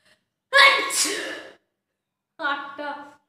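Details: Sneezing challenge set off by inhaling red chilli powder: a loud voiced sneeze followed by a shorter vocal burst, one of 15 sneezes.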